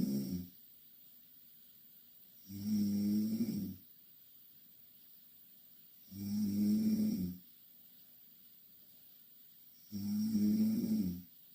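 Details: Two Korean girls sleeping in the same bed; loud, regular buzzing snores on each breath in, about 16 a minute, with quiet pauses between; snoring.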